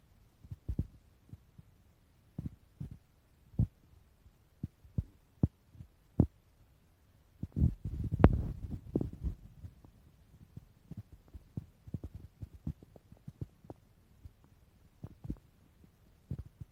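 Irregular low gurgles and pops with a longer rumbling gurgle midway; ordinary stomach growling, normal bowel sounds.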